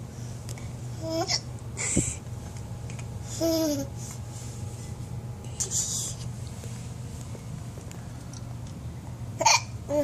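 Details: Baby gives herself hiccups and won't stop laughing; short squeaky hiccup sounds mixed with babbling and laughter in a small room: hiccups.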